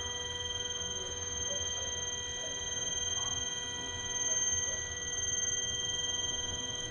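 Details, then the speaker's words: Dental CBCT scan before surgical removal of a lower right wisdom tooth near the nerve, patient holding still: steady high electronic tones with fast rhythmic pulsing as the scanner rotates in normal operation. "It's going to go around. Don't follow with your eyes. Just stay nice and straight then."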